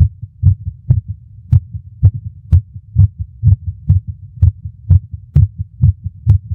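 Low heart thumps with uneven spacing, early beats breaking the rhythm; premature ventricular contractions.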